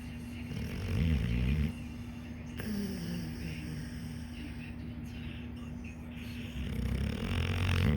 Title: snoring fat